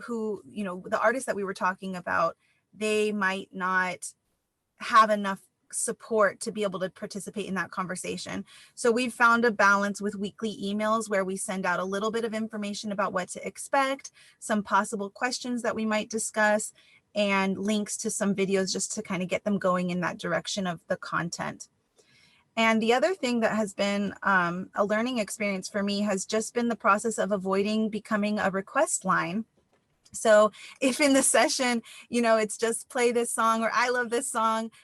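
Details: Adult woman speaking; normal speech.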